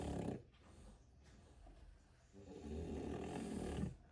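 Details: Soft, rough, fluttering snoring rising and fading with each breath from sleeping French bulldog puppies during a remote-work day; ordinary snoring.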